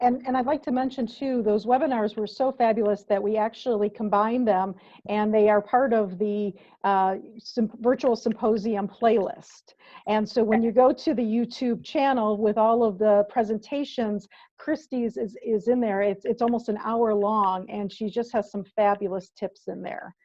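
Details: Adult woman speaking; ordinary speech.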